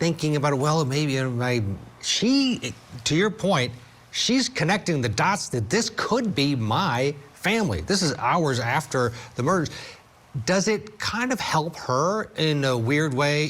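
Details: Adult speaker; normal speech.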